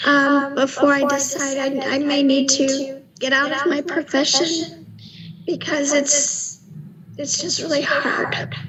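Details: Adult woman, second-grade teacher, with right vocal fold paralysis after 2019 vocal polyp surgery, twice treated with injection thyroplasty, recorded before voice therapy; breathy, weak voice with reduced loudness and quick fatigue; dysphonia from unilateral vocal fold paralysis.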